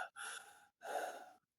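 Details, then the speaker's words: Adult with mild wheezing: two noisy breaths with a faint musical whistle, the morning after an evening indoors with a heavy smoker, in a cold trailer. "And you can hear me. I'm wheezing a little bit."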